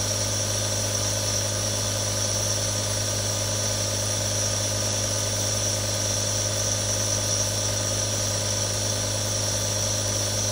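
Steady mechanical hum with a constant low buzz and an even hiss throughout, the continuous drone of a nebulizer compressor running.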